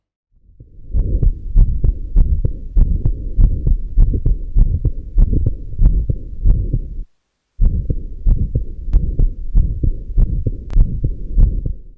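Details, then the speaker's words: Combined aortic stenosis and regurgitation: systolic murmur at the heart base with an early diastolic murmur at the left sternal edge. "remember a combination of a systolic murmur at the base of the heart and early diastolic murmur at the left sternal edge is typically seen in combined aortic stenosis and regurgitation"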